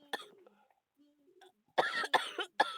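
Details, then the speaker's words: A person who feels very ill with a bad cough and cold makes quieter throat sounds, then three harsh, loud coughs in quick succession. "I'm sorry guys, but I feel so ill. You might not know why I'm like this. It's because I still have the bad cough and colds again."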